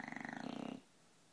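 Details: An 11-month-old, 60-pound bulldog in deep sleep: a brief, rapid, rattling, fluttering breath noise; snoring from vibrating soft tissue of the short-nosed upper airway.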